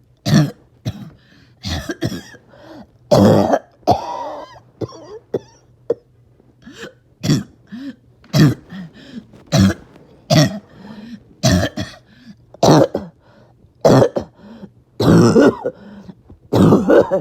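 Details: Adult, ill for about 48 hours: harsh, barking coughs about every second, some followed by a whistling, wheezy breath in; barking cough with wheeze.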